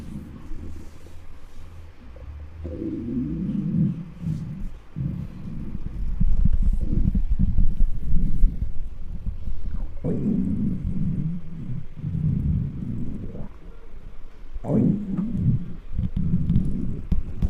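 Long, deep gurgling and rumbling bowel sounds with bubbly bursts, the normal loud stomach growling of hunger.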